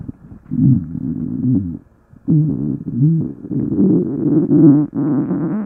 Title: stomach growling (Thanksgiving special:))